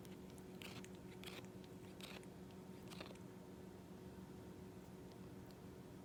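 Quiet, gritty crunching bursts over steady room hum: a cat grinding its teeth.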